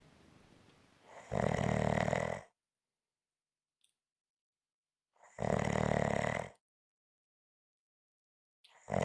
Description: This is a 5 minute clip of snoring.